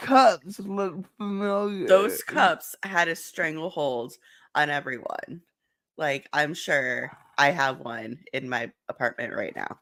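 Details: Adult speaker; ordinary speech.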